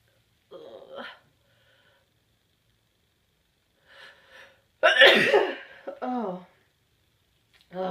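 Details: Person with itchy nose sneezing: short catching breaths build to one forceful sneeze, then a brief voiced sound; sneezing.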